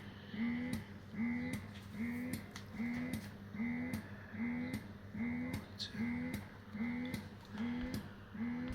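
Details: Luvlap electric breast pump running in a demonstration, suction adjustable to level nine and advised at three or four initially: quiet rhythmic motor whirr with clicks, about 70 suction cycles a minute.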